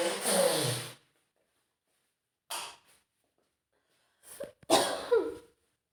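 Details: Acted scenario of a young woman with a nasty cold at home: forceful, explosive sneezes, one alone then a quick pair, with gasping in-breaths before; sneezing fit.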